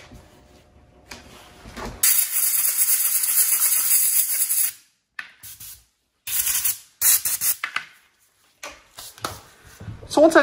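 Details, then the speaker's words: Loud on-off hissing bursts of steam from a dental steam cleaner rinsing a sandblasted Ti-base before cementing it to a monolithic zirconia crown; quiet room. "at this point what you can do is is you can rinse this off steam it depending upon how you want it to work"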